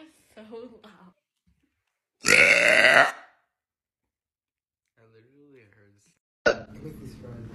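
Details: Loud, rough belch lasting about a second amid brief talk and laughter, in a compilation of very loud burps and drunk hiccups; burping.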